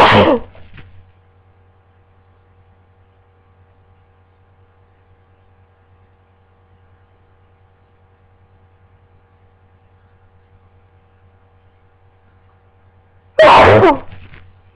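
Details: Person with a worsening cold, just woken from sleep in bed, gives two sharp sneezes about thirteen seconds apart, with near silence and a faint low hum between.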